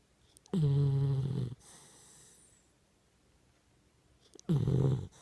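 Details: Young Pitbull dog snoring: two loud, low, rattling snores about four seconds apart, with a quiet exhale between.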